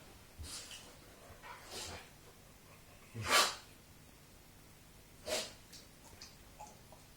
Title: Dog cant stop sneezing